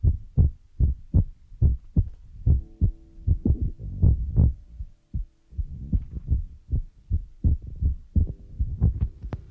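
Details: ASMR ear-massage recording with feather rod and brush sounds; rapid, fairly regular low thumps about 170 a minute with a soft hum behind: a fast heartbeat.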